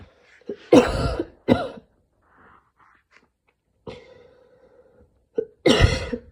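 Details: After an evening run in cold air, mild asthma attack: three harsh, forceful coughs separated by a long drawn-in breath with a faint musical whistle, an asthmatic coughing fit with mild wheeze.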